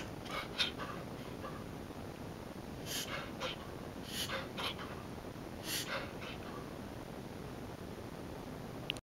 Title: cough